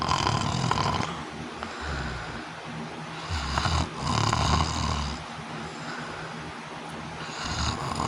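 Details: Obstructive sleep apnea awaiting CPAP, stopping breathing almost 100 times an hour: loud, harsh, uneven snoring with rough snorts over room noise; no clear pause audible here.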